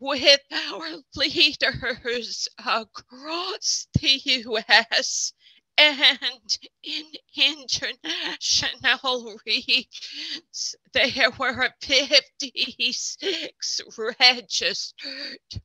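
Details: Spasmodic dysphonia in an adult man who counts himself among people with SD.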